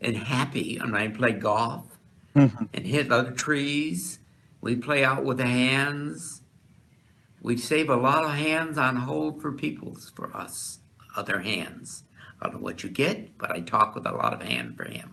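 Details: Patient with Wernicke's aphasia after brain damage; Wernicke's aphasia (fluent aphasia).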